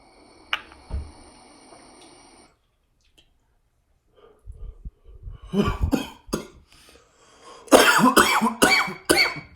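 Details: Adult coughing after inhaling smoke from a nectar collector: a run of about six harsh, explosive coughs.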